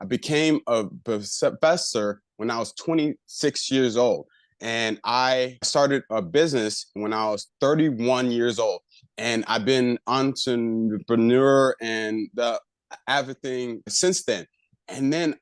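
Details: Adult man with aphasia after a left-hemisphere stroke about a year earlier, still working on over-articulation and word retrieval: aphasia.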